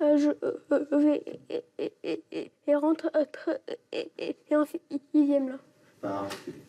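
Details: 11-year-old boy with longstanding, severely disabling stuttering; speech therapy and child psychiatry did not help; attending a 3-day breathing-based stuttering course; stuttering.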